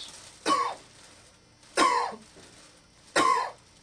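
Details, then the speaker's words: Adult patient lying on the bed during an abdominal exam gives three short, deliberate dry coughs on request, a maneuver that can reveal a ventral or umbilical hernia. "sometimes these uh cough Maneuvers and lifting of the head can bring out a vental or umbilical hernia"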